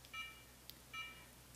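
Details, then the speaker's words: VDW Gold Reciproc 3 integrated apex locator: two short electronic beeps as a hand file (K-file or C-Pilot) advances apically in the root canal; the acoustic signal rises in frequency as the file nears the apical foramen. "progression of the file is accompanied by an acoustic signal with increasing frequency at the same time the file can be visually tracked on the LED display"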